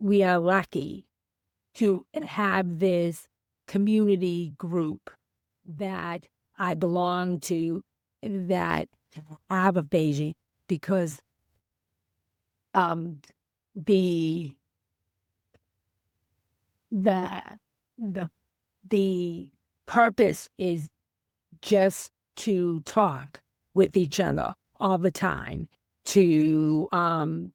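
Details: Female teacher with aphasia after a stroke on January 28, 2010; she could not speak at all for three months and is now about 15 years post-stroke; real speech; aphasia.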